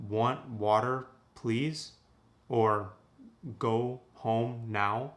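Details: Stroke patient; Broca's (expressive) aphasia after stroke.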